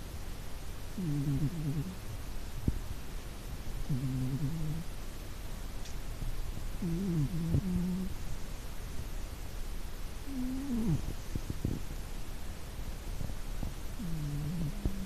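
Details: A sleeping cat snores with soft, rhythmic, low rumbling about once every three seconds; ordinary cat snoring.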